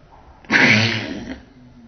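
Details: Sneezing.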